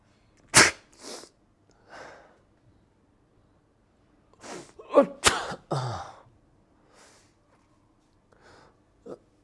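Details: Adult imitating how different people sneeze (baby, old man, influencer, royal family): several short, sharp sneeze-like bursts, some with a breathy lead-in.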